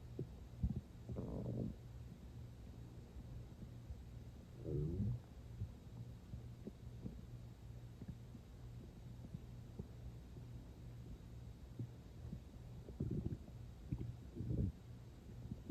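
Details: Stomach growling (borborygmi) heard as soft gurgling, bubbling rumbles in bursts over a faint steady hum; the person was not very hungry, had eaten not long before, and drank water toward the end.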